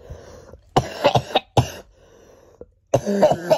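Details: Child with a worsening cold and temperature, cough keeping them awake at night: three harsh, loose coughing bursts separated by pauses.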